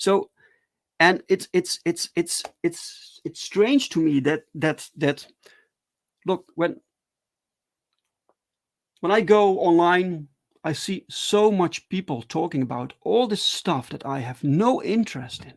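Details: Adult man who stutters, talking live in a solo stream; stuttering.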